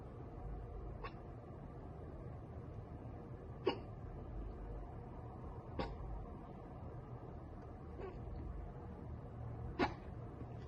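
Five short, sharp involuntary gulping clicks come about every two seconds over steady low room hum, a typical run of hiccups.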